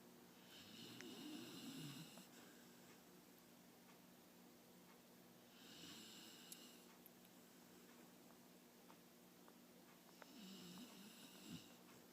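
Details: Soft, regular snoring, about three snores in twelve seconds with a faint whistling edge, from a sleeper with tongue sticking out; low room noise.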